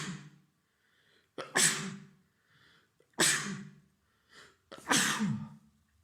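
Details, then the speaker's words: Forceful acted sneezes, each with a short in-breath (three heard; narrated as four), from a man with a beginning cold, sniffling and sore-throated while tea was made; sneezing. "I got up to boil the water while I Was preparing the tea he sneezed again four"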